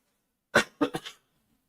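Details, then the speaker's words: A sick adult coughs about three times, dry and abrupt, in a quiet room: plain coughing. "we'll be doing a lot of coughing like that I'll try to mute"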